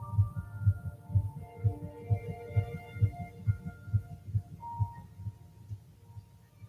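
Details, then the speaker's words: Rapid, regular soft thumps at about 130 a minute with faint background music, played at a pro-life presentation about the heartbeat detectable 22 days after fertilization; fetal heartbeat. "at three weeks in one day just 22 days after fertilization olivia's heartbeat can be detected"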